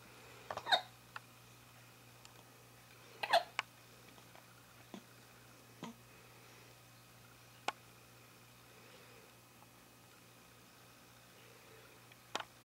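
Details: Newborn less than a week old with hiccups: soft, brief, jerky catches of breath recurring in a quiet room.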